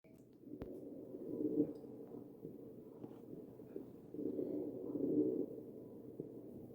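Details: Wheezing heard in the chest of a ventilated patient through a stethoscope: two breaths carry a low, musical, droning tone over soft airflow, consistent with narrowed airways.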